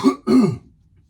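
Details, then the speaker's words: Adult man with a raspy voice, whose doctor's x-ray reportedly showed a shadow on his lung, gives two quick guttural throat-clearing bursts, the second longer and harsher, then quiet. "excuse me let me take a sip of the vibe juice and I don't know if you guys are hear it or not I do apologize if my voice sounds extremely raspy"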